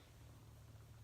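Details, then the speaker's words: A loud, low rumbling gurgle from an adult's belly, heard shortly after lunch during a conversation, as the gut moves gas and fluid; stomach growling (borborygmi). "that was my stomach. Did you hear that?"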